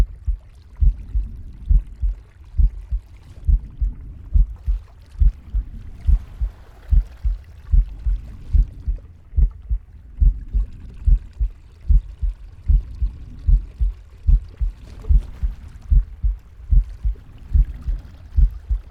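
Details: Pig's heartbeat: steady low thumping around 72 a minute with soft breathing and gurgling gut sounds behind it; normal heart, breath and bowel sounds.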